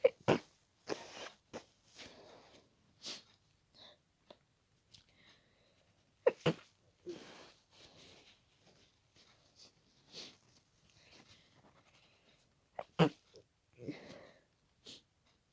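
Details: Person stifling a sneezing fit at night to avoid waking a roommate: a run of short, muffled, held-back sneezes with quick sniffs and breaths between them.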